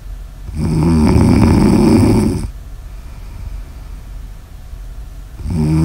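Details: Snoring in an ASMR sleep recording: a long, loud, rumbling snore on the in-breath, then a quieter breath and the start of another snore.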